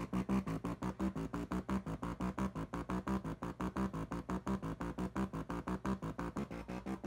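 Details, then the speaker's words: VibraLung acoustic airway clearance device on the low setting: pulsing, buzzy electronic tones repeating about 87 times a minute, like an arcade game tune. "so as you can see the viber lung sounds like you playing a goddamn game of Dig Dug the entire time but just what that's kind of that sound is kind of annoying but kind of funny"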